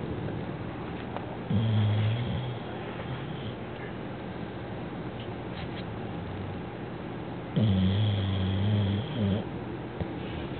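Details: Someone sleeping and snoring loudly: two long, loud, buzzing low snores several seconds apart over steady room noise. Snoring.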